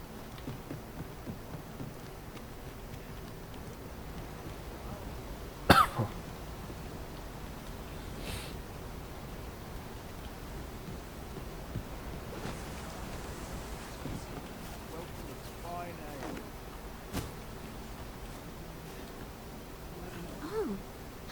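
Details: A few short, sharp, dry coughs from an adult during a video game stream (Dragon's Dogma 2), over a quiet room background with faint game sounds.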